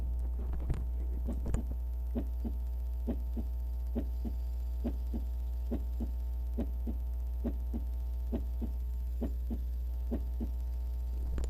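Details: First and second heart sounds (S1, S2): steady paired lub-dub beats at about 68 a minute over a constant low hum.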